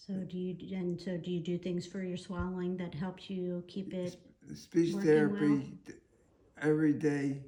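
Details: Two adults talking in a small room; conversational speech.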